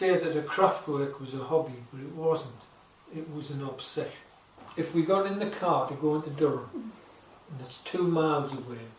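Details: Adult; no speech disorder.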